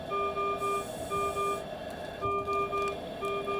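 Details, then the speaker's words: Repeating groups of quick electronic tones over low room noise: Servo U ventilator high-priority alarm for low minute ventilation, shown in a nursing overview. "So, in this instance, it's saying that it there's a low minute ventilation alarm that is blinking"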